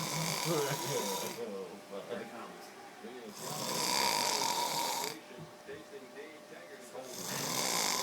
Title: The one and only snoring MACHINE